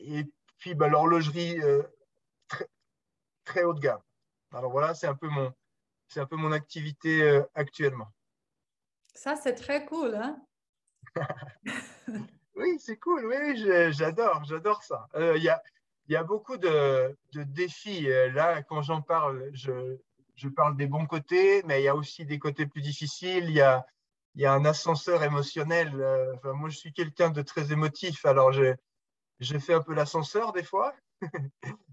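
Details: Stuttering in a 44-year-old man, speaking French; he says his speech is much better than before but still stutters a little at times in French, more in English.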